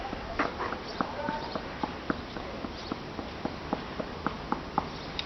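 A series of short, hollow knocks from fist percussion over a horse's frontal and paranasal sinuses, giving a clear resonant note that indicates normal air-filled sinuses.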